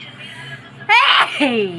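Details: Deliberately induced sneeze: a soft hum, then a sudden explosive sneeze with a voiced tail.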